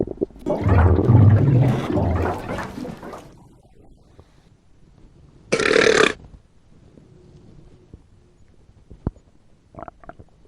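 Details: Fictional animated scene: the character Bumblebee, with an upset fuel tank, burps. A long, low, rumbling belch, then a short, higher burst with faint clicks; burping.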